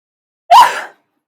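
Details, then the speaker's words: A single short, high-pitched squeaky sneeze with a sharp onset, likened to a chihuahua, that fades within half a second: a sneeze. "Um, yeah, I don't know why I sound like a fucking chihuahua when I sneeze."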